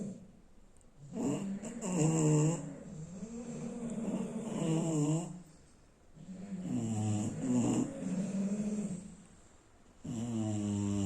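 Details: Loud, rough, rattling snores with long drawn-out breaths, about four to five cycles in eleven seconds, from a sleeping bulldog; snoring.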